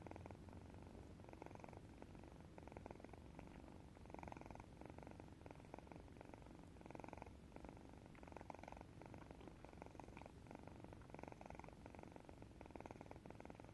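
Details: Sleeping cat snoring: soft, continuous rumbling breaths rising and falling with each breath, gentle snoring that blends into a purr-like sound.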